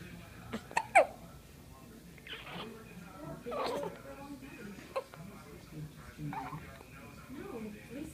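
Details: Hiccups recorded 7/12/16 while Charley and Sadie meet the hiccuping person for the first time: short, sharp catches early on, with soft sounds and quiet talk in a room; hiccups.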